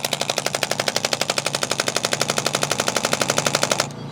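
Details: Young female student's first radial shockwave therapy at a chiropractic office, on a tender shoulder spot pained by carrying a heavy backpack: rapid, very regular sharp clacking pulses, about four a second, stopping abruptly; radial shockwave therapy device.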